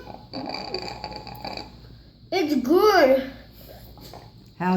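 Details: A girl drinking, with quiet drinking sounds, then one long, low, gurgling voiced belch, with faint room noise and brief talk.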